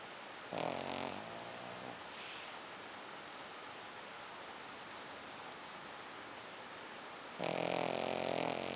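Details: Sleeping Pekingese dog gives two loud, rough, fluttering snores several seconds apart over steady room hiss. Snoring.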